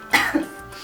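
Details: A single short, harsh acted cough from an adult in a cough syrup commercial, ending in a brief second push, with faint music behind; a plain cough.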